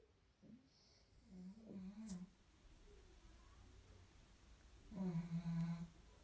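Low, vibrating snorts and a longer buzzing snore from a flat-faced small dog in sleep. Snoring.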